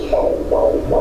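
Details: A fetal heartbeat recorded by a young big sister using a Doppler: rapid, regular whooshing pulses at roughly 150 beats per minute.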